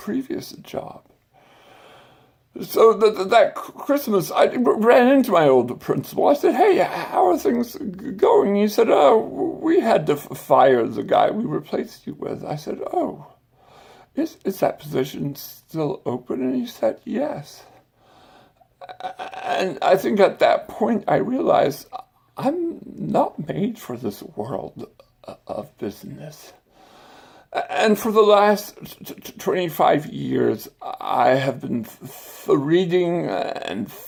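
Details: Adult man with stuttering and acquired speech impairment following brain surgery with complications the previous summer.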